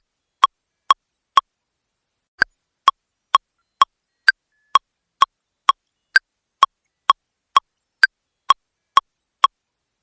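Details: AED metronome in a training demonstration: after a brief pause, sharp regular clicks at about 120 a minute pacing chest compressions for five CPR cycles after a delivered shock.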